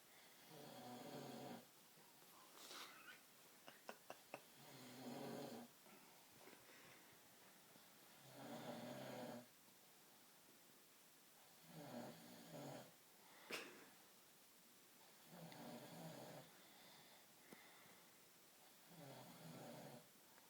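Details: Loud, rattling snores with each breath, about 16 a minute and somewhat irregular, in a quiet room; snoring.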